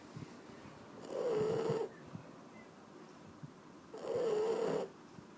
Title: Shar Pei Snoring